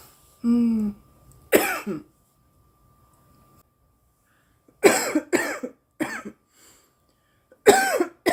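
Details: Girl coughing after inhaling too much smoke: a brief voiced sound, then a cough, a pause, and a run of four harsh coughs; a coughing bout.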